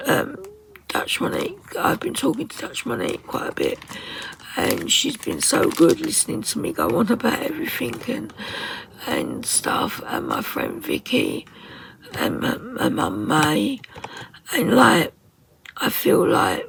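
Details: 57-year-old woman with muscle tension dysphonia (very tight, stressed muscles around the vocal cords) beginning after COVID pneumonia, also affecting swallowing; ENT found mucus and laryngeal infection; in speech therapy; at times unable to speak.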